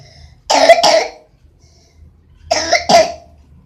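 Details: Child coughing while practising English words: two separate dry coughs, each a quick double burst, with a quiet pause between them.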